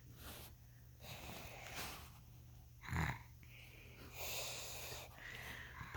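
Irregular noisy breaths with harsh, rattling snorts, roughly 45 a minute; snoring.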